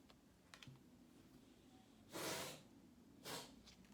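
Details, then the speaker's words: Two loud airy sniffs with faint clicks from a male cat under a table, described by the vet as a chronic sniffler; he gets stuffed up and sneezes, owner unsure if allergies: nasal sniffling and congestion. "he's a chronic sniffler as the vet said so he's I don't know if he's dealing with allergies or what but he gets stuffed up and he's under the table right now I think you can probably hear him and he's sneezing and then he's you know congested and stuff"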